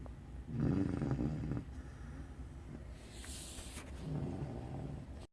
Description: Ruby snoring under my desk.